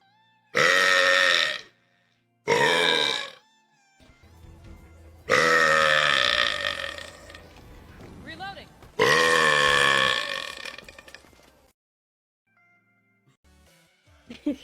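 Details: Three long, loud, voiced burps with a low throaty rumble, separated by pauses; belching, air brought up from the stomach.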